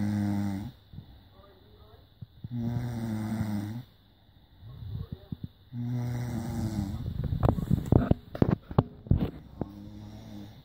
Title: Snoring! Easy way to find out if I snore